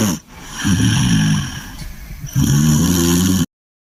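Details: English Bulldog asleep: loud, rattling snorts on each breath, close to the microphone, with brief quieter pauses between; heavy snoring.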